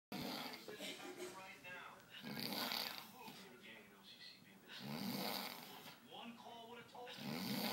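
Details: Loud, rough snoring with irregular breaths over faint background sound; snoring.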